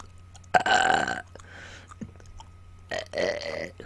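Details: Two loud, drawn-out throaty voluntary belches with a quieter gap between, burping on command after dinner while chewing and popping gum; the person notes recent burps also bring hiccups.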